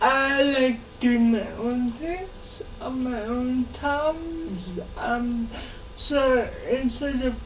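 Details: Dysarthria in a 27-year-old woman who has lived all her life with cerebral palsy, in conversation.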